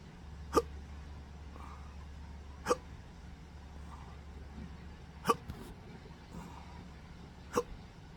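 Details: Persistent intractable hiccups since December 2015, after surgery left nerve damage affecting the pudendal, phrenic and vagus nerves; four sharp, abrupt hiccups at irregular two-to-three-second intervals over a quiet background hum.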